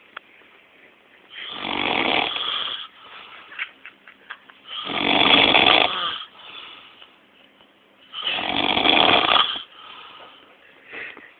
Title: Snoring father dearest